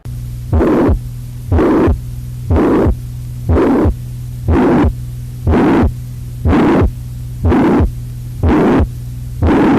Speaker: It's not diamond-shaped. It's holosystolic murmur or pansystolic murmur, frequently heard in ventricular septal defect or mitral regurgitation.